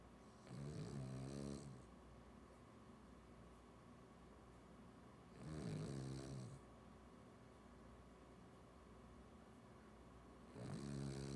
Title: Ozzie Snoring